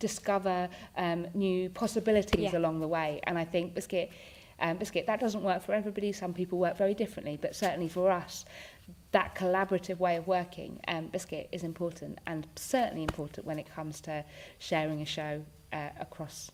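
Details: Vocal tics from Tourette syndrome in an adult woman, with the tic word 'biscuit' interrupting her speech during a real interview.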